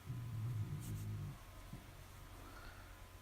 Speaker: The dog is snoring so loudly. Yeah, if you that guys can hear the dog again in the background, she's not like choking on things. Now she's just snoring on the edge of an ottoman, which she kind of blended into.